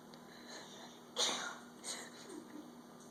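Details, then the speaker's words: Child fake-sneezing while being taught to cover the mouth: one sharp, breathy sneeze burst followed by a softer one. "bless you. Oh, bless you. Oh, make sure you cover your mouth."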